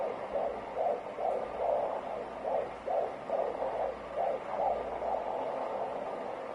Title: Fetal Heartbeat